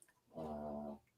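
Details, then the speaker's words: A single drawn-out, buzzing, tonal breath of about half a second from a sleeping pet in a quiet room: snoring. "can you hear him snoring yeah that's my G most snoring"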